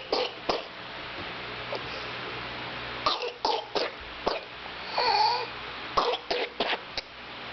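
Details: Infant girl with whooping cough (pertussis) for a few weeks: coughing spasm with runs of short, harsh coughs and high-pitched drawn-in breaths between them.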